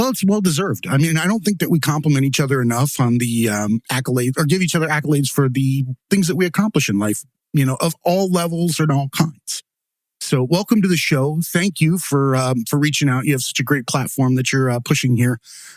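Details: Adult male speaker; typical speech.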